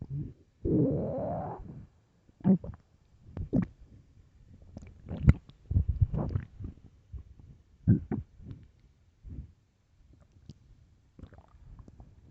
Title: Very hungry stomach growls and groans